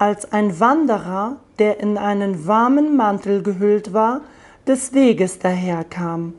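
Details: Post-operative voice after glottoplasty (voice feminization surgery), with the patient reading a standard German passage; the finding is the voice after glottoplasty.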